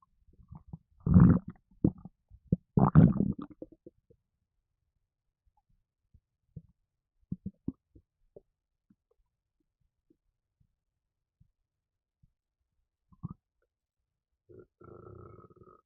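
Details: Gassiness after drinking a can of Red Bull energy drink: two loud low burps early, then scattered faint stomach gurgles and a soft rumble at the end; burping and stomach rumbling.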